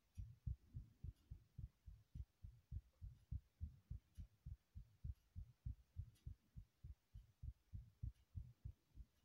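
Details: Remade heartbeat sounds: steady, deep paired lub-dub thumps at roughly 100 beats a minute with a faint low hum behind.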